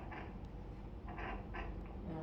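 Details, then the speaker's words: Prenatal Doppler exam, irregular whooshing, gurgling noise without the fast horse-gallop fetal heartbeat: placental souffle or, usually, the mother's bowel sounds. "itu bising plasenta atau usus biasanya usus ibunya, ya."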